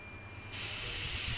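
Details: Quiet room, then a steady hiss of gas flow as a ventilator runs its pre-use test (calibration and leak test with the patient circuit disconnected or closed); normal operation.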